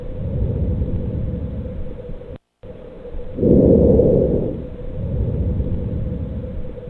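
Soft, low rustling breath noise that swells briefly on inhalation and fades on exhalation, with a short silent gap: normal vesicular breath sounds.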